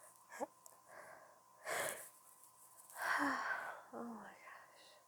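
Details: Female trying to hold back a sneeze: sharp indrawn breaths and breathy gasps with a strained, suppressed near-sneeze; pre-sneeze gasping.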